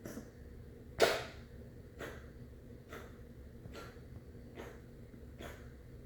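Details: Dog named Tucker coughing: one loud, harsh cough followed by about five fainter, evenly spaced cough bursts, repeated coughing.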